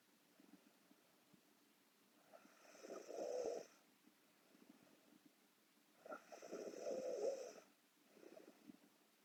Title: Korean Girl Sleep Snoring (Part 1)